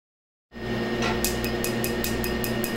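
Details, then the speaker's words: An Astanza Duality actively Q-switched Nd:YAG laser at the 1064 nm wavelength, targeting black tattoo ink during tattoo removal: steady machine hum with rapid, regular, sharp snapping pulses, playback sped up. "Right now, the Duality's 1064 nanometer wavelength is being used and is selectively absorbed by the black ink in the tattoo."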